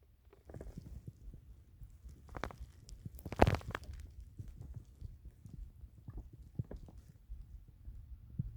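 Low, continuous gurgling and rumbling with a louder gurgle in the middle: ordinary stomach growling from gas and fluid moving through the gut.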